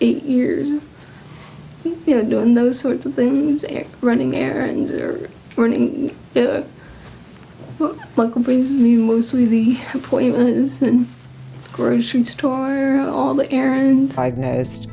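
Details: Woman, 39, who tested positive for genetic Huntington's disease 11 years ago, inherited from her father, with clumsiness, memory loss, speech problems and difficulty formulating thoughts; dysarthria in Huntington's disease.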